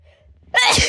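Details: Single sharp, hissing sneeze bursting out after a brief quiet lead-in.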